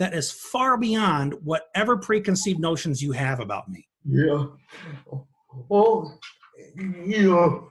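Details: Adult male speaker; typical speech.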